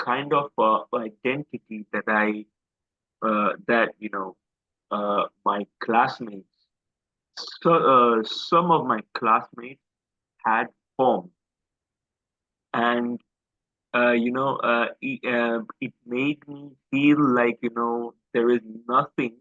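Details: Adult male host who has stammered since school, stammer described as once quite severe, audible in his speech; stuttering (stammering).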